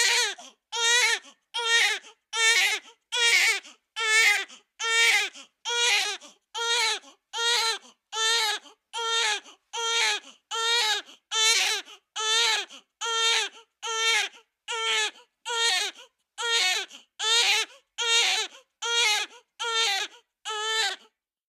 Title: Baby crying sound effect